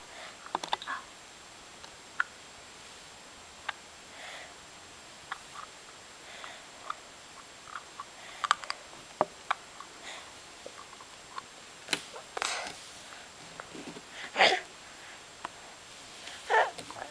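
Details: A child grinding his teeth (bruxism), starting this morning; irregular sharp clicks and short gritty scraping bursts.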